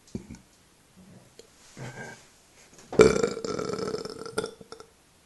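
Swallowing and small sounds, then one long, loud, rumbling burp lasting about two seconds; deliberate belching after drinking a fizzy drink.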